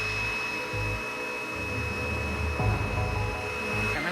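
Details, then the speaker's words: Loop electrocautery debulking a large cyst, cauterizing tissue to limit oozing: steady high-pitched electrical whine and buzz with room noise. "The nice thing about this is that it cauterizes the tissue at the same time so that it doesn't want to ooze so much."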